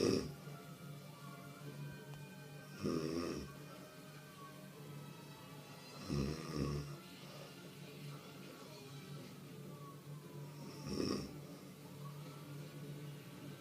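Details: Woman asleep and snoring: three low, rattling snores about four seconds apart, roughly 15 breaths a minute, over soft background music; she went from loud warthog-like snorting to nearly stopping, then it came back sharply.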